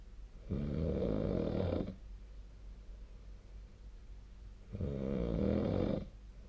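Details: Snoring during sleep recorded with the SnoreLab app: two loud, low, rattling snores about four seconds apart, with quiet breathing between, roughly 15 breaths a minute.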